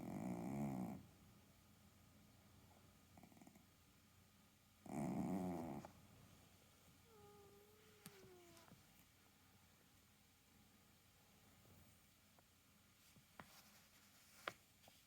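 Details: Snoring cat: two rough, rattling snores about four seconds apart, then quiet breathing with faint background sounds and a brief squeak.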